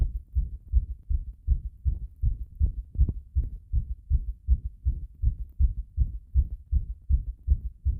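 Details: Heart sounds recorded after a bath with pressure on the chest: regular low heartbeat thumps, fast at roughly 160 a minute, with muffled rubbing from the pressure.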